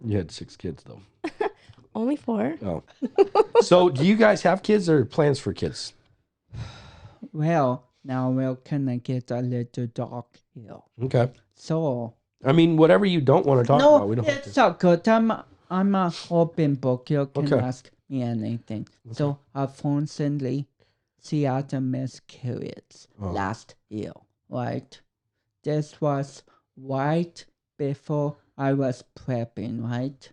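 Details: 32-year-old man with cerebral palsy, which he says affects his speech coordination and walking; dysarthria.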